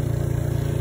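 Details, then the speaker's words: Steady low motor hum with fast, even pulsing: D&C suction machine switched on with its vacuum running, usually set at about 15, during setup demonstration. "this is how you turn it on you just pull up it'll turn the vacuum on and then if you need to adjust it you just turn this knob to vacuum adjust"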